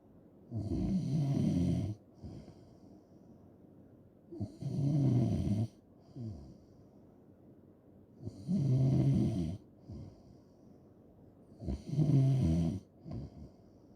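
Loud, rough snores on each in-breath, about 17 a minute, with quieter out-breaths between; habitual snoring.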